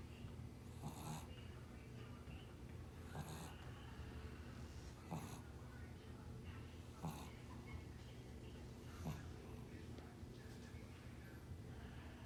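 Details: Sleeping dog: soft rhythmic snores about every two seconds, roughly 30 breaths a minute, faint snort on each breath; snoring.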